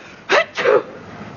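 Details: A single acted two-part sneeze, a sharp in-breath then an explosive burst, from a TV drama character with a common cold.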